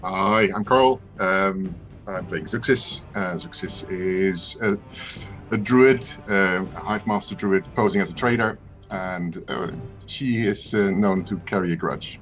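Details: Adult man speaking; normal voice.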